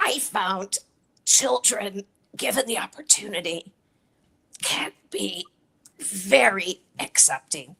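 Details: Adult woman with a chronic voice disorder, treated with Botox injections into the vocal cords every three months; dysphonia.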